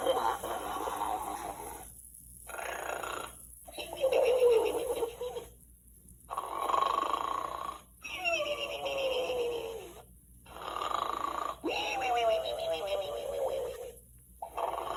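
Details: Gund Arnold stuffed toy pig imitating snoring when its hoof is pressed: rhythmic snore-like grunts and whistling sweeps with pauses between; simulated snoring and sleep-talking toy.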